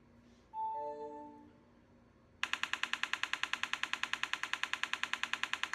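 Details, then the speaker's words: Transcranial magnetic stimulation pulses in an adult woman halfway through a TMS course (15 sessions done) for severe illness: a brief warning tone, then a rapid, regular train of sharp clicks, about 200 per minute, from the TMS device. "and then you see at the second five point five to nine point five is the stimulus nuts when they're shocking me you're not shocking me that's when they're giving me impulses"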